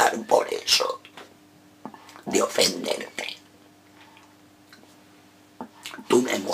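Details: Male reciting a Spanish sonnet as an esophageal voice exercise; esophageal speech.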